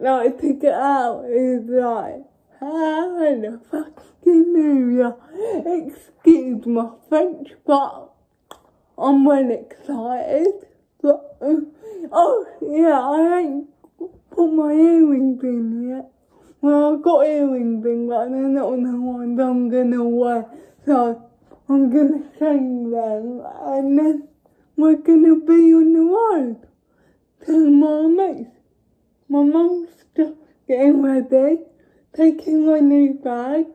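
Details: Young woman with cerebral palsy; dysarthria.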